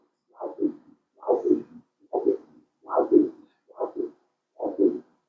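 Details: Radial artery pulsed Doppler, angle 60°, during pre-surgical mapping for haemodialysis arteriovenous fistula: rhythmic whooshing pulses about 70 a minute, sharp rise then softer trailing flow, peak systolic velocity 62 cm/s; normal arterial Doppler flow signal.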